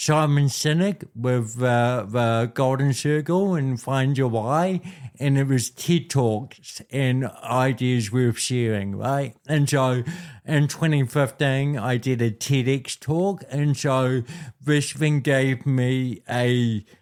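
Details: Adult man born with cerebral palsy affecting how messages travel around his body; told walking and talking would be his biggest challenges: dysarthria (cerebral palsy).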